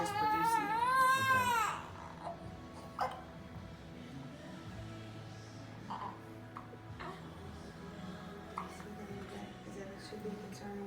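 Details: Short, high-pitched cry under two seconds from a 3-week-2-day-old baby girl held against her mother's chest during a chiropractic visit; mother reports latching issues; then quiet room noise with faint background sounds.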